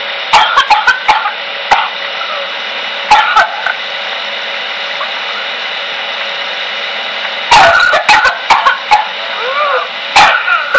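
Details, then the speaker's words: Infant with whooping cough (pertussis) turning colors, later blue, during coughing fits: clusters of rapid short paroxysmal coughs in continuous runs with squeaky breathy sounds between, unable to catch breath. "I called the doctor immediately and I told him he was turning colors he would cough cough cough and the cough would just continue and continue and he would not know when to catch his breath"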